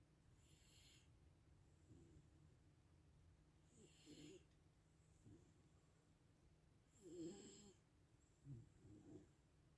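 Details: Soft, quiet snoring sounds recur every few seconds over a steady low background hum; ordinary snoring during relaxed sleep.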